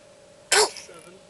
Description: our beautiful baby girl sneezing uncontrolably but cutely !